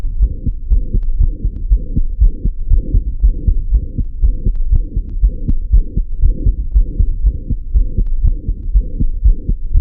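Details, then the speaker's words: Pediatric auscultation teaching: a child's heartbeat with a harsh, raspy murmur filling each beat, typical of a small ventricular septal defect. "ese soplo de la CV pequeña que es de Vamos a poner un soplo de una CV pequeña."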